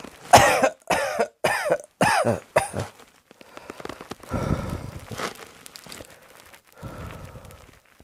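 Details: A run of five sharp, harsh coughs in quick succession, then quieter breathing and throat sounds; coughing.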